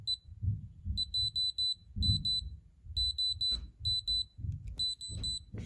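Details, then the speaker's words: Groups of short high-pitched beeps in repeating bursts with low handling rumble: alarm sounding on an Innovo IP900AP fingertip pulse oximeter on the index finger while it reads SpO2 of 100. "it's obviously showing me a read of 100 and that there's an alarm going on as well"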